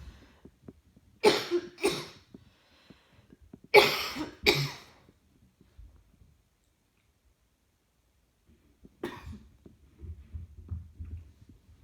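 Three bouts of coughing, two paired coughs then a single one, with quiet breathing and room noise between.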